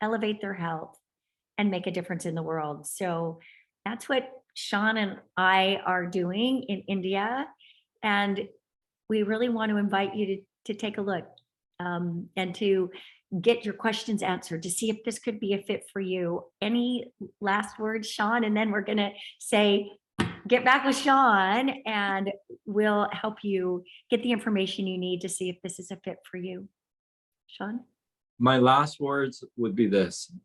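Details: Adult woman speaking; normal fluent speech.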